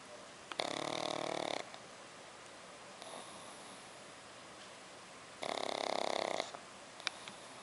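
Two loud, rasping, buzzy snores about five seconds apart, with quiet breathing noise between them: snoring in a small flat-faced dog.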